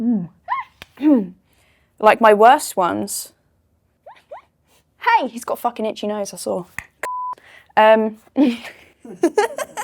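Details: 19-year-old woman with Tourette syndrome (motor and vocal tics, coprolalia), tics beginning around age 11 and worsening after trauma at 15. Involuntary swearing tics occur during her speech. Finding: vocal tics with coprolalia (Tourette syndrome).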